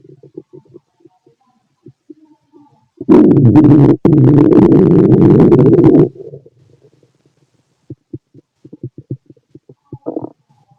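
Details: Loud stomach growl from a fit adult male, recorded with a stethoscope on the abdomen: scattered soft gurgles, then a loud sustained rumbling growl of about three seconds, then more brief gurgles; normal bowel sounds.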